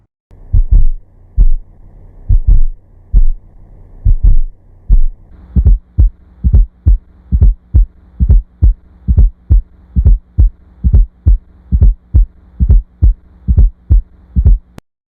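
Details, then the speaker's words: Heart auscultation with a stethoscope, taught as an extra fourth heart sound heard before the first sound: low, dull heart sounds with a soft extra thump just before S1, an S4 gallop. "Begitu juga kelainan bunyi jantung empat yang dia akan terdengar sebelum bunyi jantung satu."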